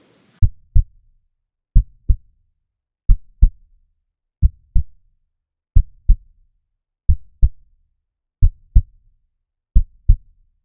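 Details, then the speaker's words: Normal first and second heart sounds heard with a stethoscope: clean, regular lub-dub at about 45 beats per minute. "तो ये थी अपनी S1 और S2 जो normal अपने को अपन स्टेथोस्कोप की मदद से जो सुन रहे होते हैं बस वो होती है।"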